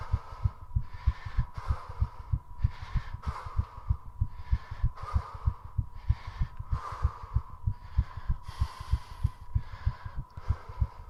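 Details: Heartbeat recorded during and after a 3.5-minute squat challenge: rapid regular heart thumps with loud, heavy breaths over them; a fast heartbeat and hard breathing after strenuous exercise, a normal response.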